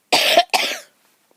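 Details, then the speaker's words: Adult coughing outdoors while filming flowers on a sunny spring day; two short, harsh, dry cough bursts in quick succession, then quiet. The person apologizes, having expected to cough once they started talking. "excuse me y'all I know when I started talking I was probably going to start coughing"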